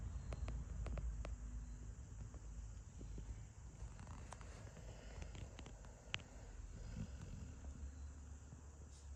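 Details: Sleeping pit bull dog giving continuous low, rumbling, fluttering snores, with a few faint clicks and rustles in the background; snoring.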